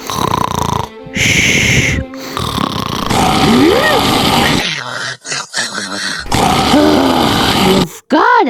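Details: Simulated cartoon snoring and snorting from an animated (Sprunki) character over loud music and sound effects, not a real recording; snoring.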